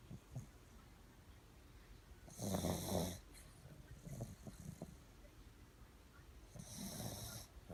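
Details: Snoring during sleep: two harsh, snorting breath sounds about four seconds apart, with soft breathing noises between.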